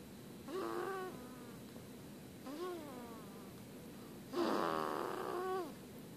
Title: Tiny snorer